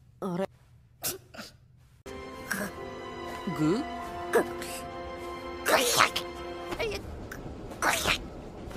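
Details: Simulated sneezing from the animated series Gosick: short, sharp, acted sneeze bursts among voice sounds over background music.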